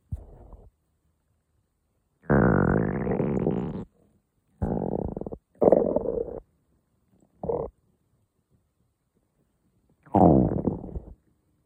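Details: Several low, rumbling, gurgling growls of varying length with quiet pauses between them in the morning; ordinary stomach growling.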